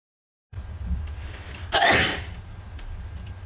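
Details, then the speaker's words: Young Chinese woman, described as an allergy sneeze: one forceful, wet sneeze with a quick breath in before it, over faint room noise; she apologizes afterward. "Sorry， 打了个喷嚏。"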